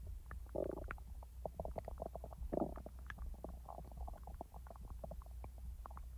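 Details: Real stomach rumbling and digestive noises from a person's active stomach, not recorded in real time: bowel sounds (borborygmi).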